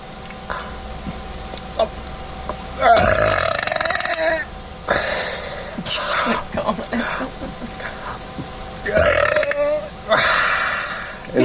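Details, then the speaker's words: Deliberate burping on command by swallowing air: two long, loud burps with swallowing and gulping sounds between, faint background music; voluntary belching. "so the key to a big burp is to swallow air and you just keep swallowing air don't forget to breathe"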